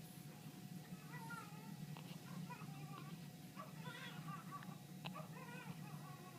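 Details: Brief, sharp hiccup clicks at short intervals from a newborn in the NICU, with small squeaky infant sounds over steady equipment hum and monitor tone: hiccups.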